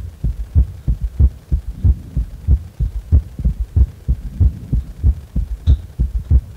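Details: Heart sounds while resting lying on the back; steady, regular low thumping beats with no extra noises between beats: normal heart sounds.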